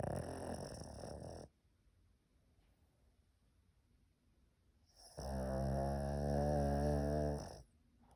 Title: Pug sleeping and snoring 💤 no mute 🐄 храпит как дед 😂